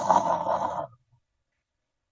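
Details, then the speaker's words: Imitation of snoring with an apnoea pause: a rough snore stops abruptly into over a second of silence as the airway is totally blocked and breathing stops, then breathing noise resumes; simulated snoring with apnoea. "Nah ketika dia nggak ada suara apa-apa itu dia nggak apa-apa jadi dia berhenti bernafas karena Jalan nafasnya itu betul-betul total tersumbat"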